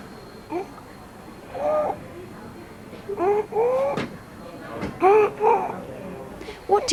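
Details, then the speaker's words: Stridor in a sick child aged 2 months to 5 years, assessed during IMCI training: harsh, high-pitched noise heard when breathing in, judged to be stridor. "you decide we heard a harsh noise when was breathing in therefore we decided that does have strong RoR"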